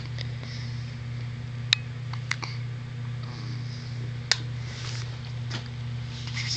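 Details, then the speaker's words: Soft, sharp clicks at irregular intervals over a steady room hum: a newborn baby's first hiccups after birth. "Oh, I feel so sorry for my baby. Got them awful hiccups. That's crazy, look."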